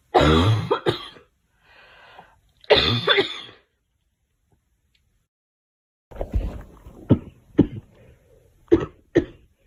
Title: Girl Coughing 343